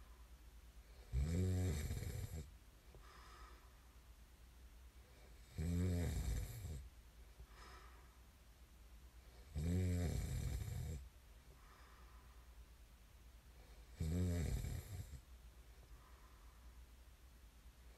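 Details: Sleep snoring: four deep, vibrating snores on inhalation, about 14 per minute, with softer exhalations between; steady snoring during sleep.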